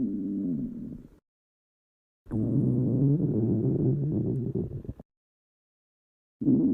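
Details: Ordinary stomach growling: low rumbling, gurgling bursts of gas and fluid moving through the gut.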